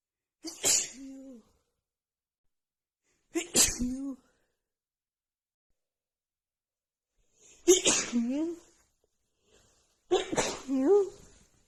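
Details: Adult woman with a runny nose from cold weather, worsened by dust, has a sneezing fit: four forceful sneezes in quick succession, each a sharp burst with a voiced tail.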